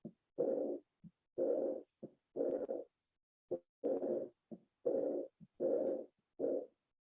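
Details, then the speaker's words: Aortic regurgitation at the aortic area: repeating heart cycles at about 60 a minute, each a brief sound followed by a long blowing early-to-mid diastolic decrescendo murmur; Austin Flint murmur discussed. "foco aórtico. Y acá tienen el soplo. Durante la diástole, ¿ya? Vean el soplo de Austin Flynn."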